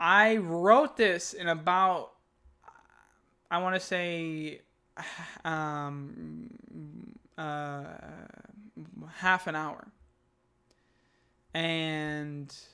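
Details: Adult man who stutters, reading aloud a piece he wrote; he calls this take one of his worst attempts and says he struggled nearly the whole way; stuttering.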